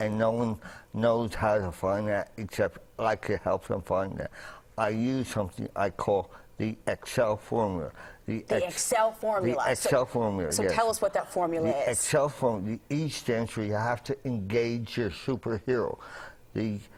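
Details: Adult man with dysphonia after traumatic intubation: a medic's trach tube damaged his voice box en route to hospital after he was trapped in a 1981 fire; he also had a traumatic brain injury and coma and relearned to speak.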